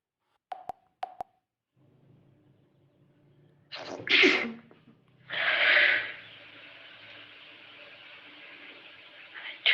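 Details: Adult with a cold, self-induced sneezes: two sharp clicks, then two forceful sneezes, each an intake followed by an explosive burst.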